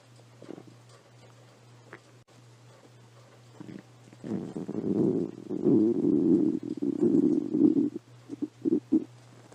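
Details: Stomach growling (borborygmi): low gurgling, rumbling bursts over a steady hum.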